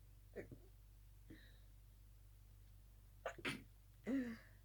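Several small, muffled sneezes in a quiet room, some in quick pairs. Stifled sneezes during a sneezing fit.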